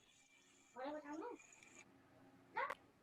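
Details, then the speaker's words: Inspiratory stridor in an infant with bilateral vocal cord paralysis: high-pitched crowing noise on inspiration, with an expiratory phase also audible. "and this is high-pitched infrastructure crowing strider of a bilateral chord paralysis and as you if you're listening closely there's also an expiratory phase"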